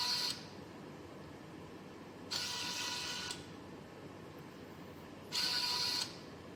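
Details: Mechanical whirring bursts at about 20 cycles a minute, with quiet pauses between strokes, from the motor-driven arm of a homemade student-built COVID-19 e-ventilator controlled by Arduino Mega and ESP32.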